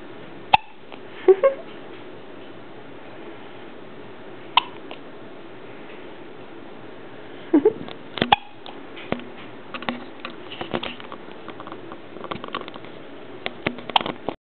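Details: Madison, a newborn girl 9 hours old, just after an unsuccessful feeding attempt: several short, sharp hiccups at irregular intervals with small infant noises between, in a quiet room; her first hiccups.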